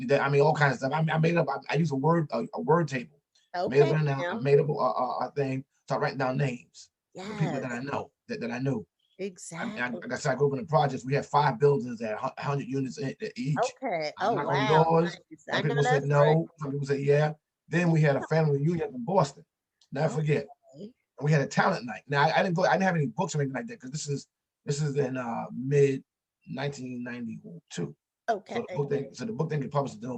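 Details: Adult man, an author and motivational speaker, who says he stutters and that others can hear it; heard in conversational podcast speech. Stuttering.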